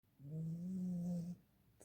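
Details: A small dog snoring: a single low, steady rumbling breath lasting about a second.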